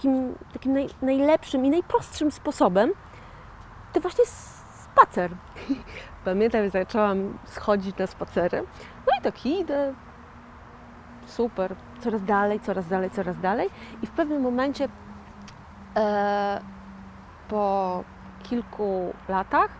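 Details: 41-year-old woman with aphasia following a stroke in 2009; a real stroke survivor who calls herself an aphasian; aphasia.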